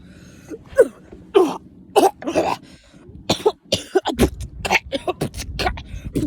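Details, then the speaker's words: Child trying to suppress a cough in class: repeated short, muffled cough bursts and throat-clearing sounds. "Next time, if you're in class, just cough it out. Don't do what I did."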